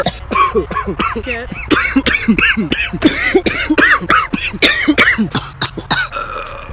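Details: Rapid series of short, voiced coughing bursts from an adult, with faint music in the background; cough.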